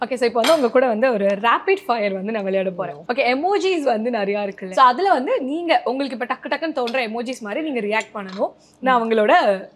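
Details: Adult interviewer; typical speech.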